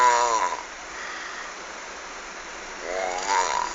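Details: Snoring during sleep that sounds like a frog croaking: two loud, rattling, croaking snores separated by a quiet pause.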